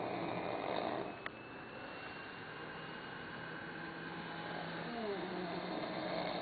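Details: Sleeping man snoring "like a horse"; a low, steady rumbling breath sound in a small room, with faint background music; snoring.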